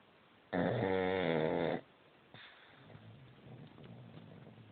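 One loud, rough, buzzing snore lasting over a second, then quiet breathing and faint room noise.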